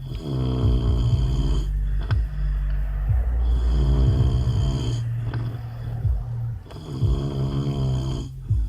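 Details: Husband asleep in a car after an outing, snoring: loud, rough snores on each in-breath in three long cycles, with faint steady noise behind.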